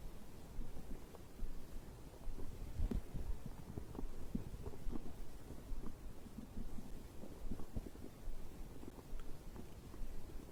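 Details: Stomach growling recorded after drinking a beverage: low, irregular gurgling and rumbling from the belly, ordinary digestive bowel sounds.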